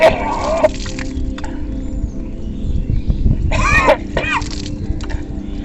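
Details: Kunjal kriya, yogic induced vomiting for acidity: after drinking a stomach full of water, fingers pressed into the throat; strained gagging and retching with gushing, splashing water, over background music.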